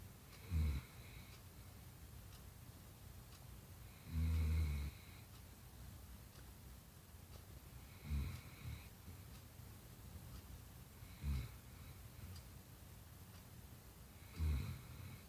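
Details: Snoring during sleep in a quiet room: low rattling snores roughly every three to four seconds, about 16 a minute; ordinary snoring.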